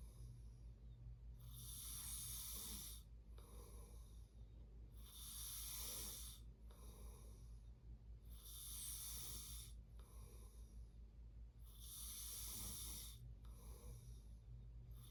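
Regular rasping snores about every 3.5 seconds, roughly 17 a minute, with noisy breaths in between; ordinary snoring.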